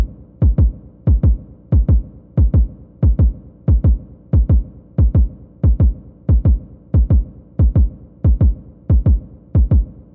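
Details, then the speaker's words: Stethoscope on a male patient's apical pulse, fifth intercostal space, left midclavicular line, counted for 30 seconds (46 beats, so 92 a minute). Steady paired low thumps: normal regular heart sounds. "And I'm going to place my stethoscope over his apical pulse, which is that fifth intercostal space in the left midclavicular line. And we're going to listen to his apical pulse together for 30 seconds and see what we think."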